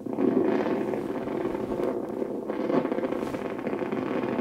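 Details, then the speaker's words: Needle EMG during gentle wrist raising after normal insertional activity: dense crackling, popping motor units of normal size, duration and amplitude; normal motor unit potentials. "are normal motor units they have the normal size the normal duration the normal amplitude"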